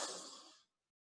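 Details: A single slow, airy breath out through the mouth, fading over about half a second, from a respiratory physiotherapist demonstrating a breathing exercise for lung health.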